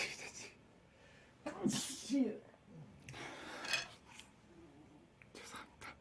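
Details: An adult, a member of the K-pop group BTOB, sneezes a few times, each a sharp voiced burst of air, with faint voices nearby.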